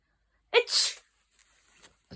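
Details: A single loud sneeze, a sharp voiced catch then a forceful hissing burst, followed by quiet rustling; the sound startled a sleeping puppy awake.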